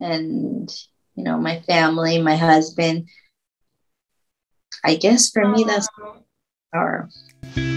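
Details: Aphasia in a woman after a stroke at age 24, about 10 years earlier, with word-finding difficulty.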